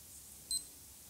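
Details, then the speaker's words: Single short high-pitched beep as a blood glucose meter wakes when a test strip is inserted electronic side first, during a clinical skills OSCE demonstration of fingerprick blood glucose testing. "so we're going to open up the test strap and we're going to put it electronic side in it should wake everything up"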